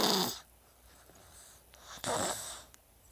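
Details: Sleeping animal snoring: two brief snorting, snoring breaths with quiet room sound between them; snoring.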